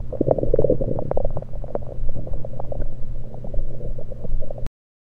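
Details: Abdominal gurgles recorded with a USB electronic stethoscope after only liquids, not during digestion: frequent bubbling gurgles and low rumbles, ordinary active bowel sounds.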